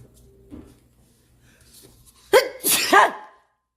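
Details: A quick indrawn breath then one forceful sneeze and trailing exhalation, from a person who says they often sneeze with a constantly dripping runny nose, in a quiet room.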